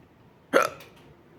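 A single sharp, brief hiccup against a quiet background.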